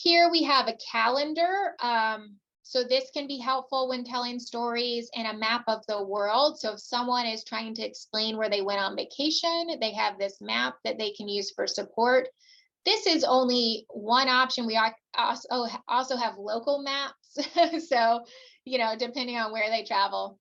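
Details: Adult woman speaking; normal speech.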